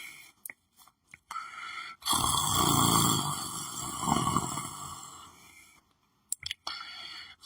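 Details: Person lying on the floor asleep, snoring: one long, rough, rattling breath sound lasting several seconds, with brief quiet noises around it.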